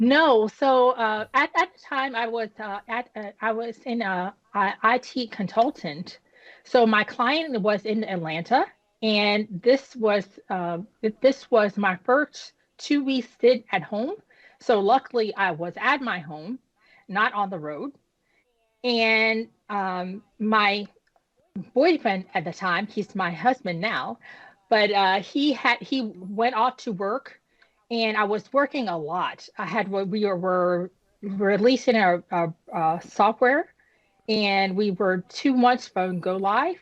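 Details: Woman who had a stroke at age 36 damaging about a third of her brain, including the speech center, initially leaving her unable to speak with right-side paralysis; she has mild aphasia and apraxia of speech after the stroke.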